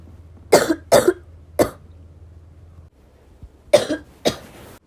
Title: still me coughing